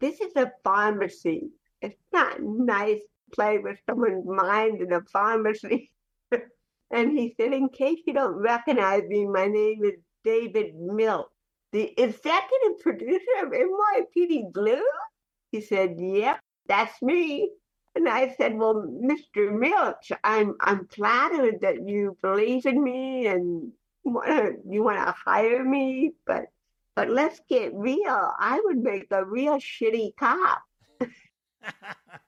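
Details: Adult woman with cerebral palsy speaking in a real conversational interview; dysarthric speech in cerebral palsy.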